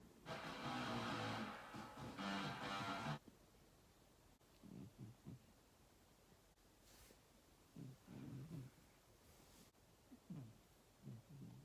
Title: Cat snores & lockdown chores.